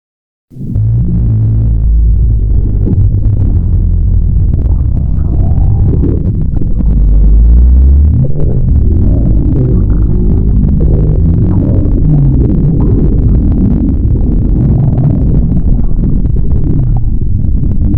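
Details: Steady, deep continuous rumbling and gurgling without a break; stomach growling, with burping noted.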